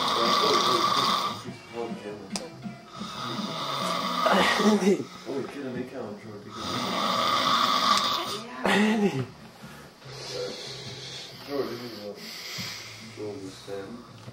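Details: An adult man snoring loudly: rough snores with long rattling inhalations and shorter exhalations, with some background noise.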